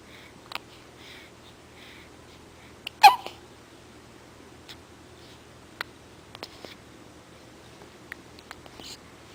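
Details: Hiccups: one sharp, sudden hiccup-like burst in a quiet room, followed by faint clicks.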